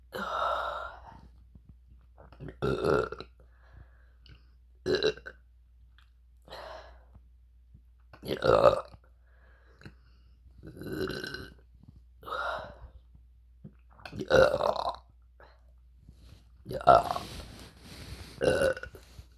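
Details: Deliberate burps: about ten loud, voiced burps at irregular intervals over twenty seconds; repeated belching.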